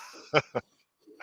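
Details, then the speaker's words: Dog named Teddy snoring while asleep: two short, snorting snore noises, then quiet; snoring. "all right this is Teddy if you can hear you can hear him snoring"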